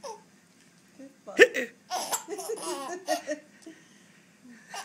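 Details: Real hiccups in a young boy: one abrupt hiccup, then bubbly giggling and babble in a small room; he finds hiccups funny.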